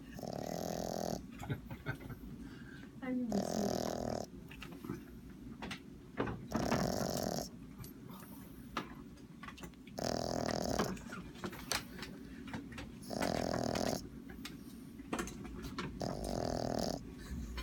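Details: Small dog snoring heavily, usually not this loud: loud, rough snorting on each breath, about one every three seconds, with faint background sounds.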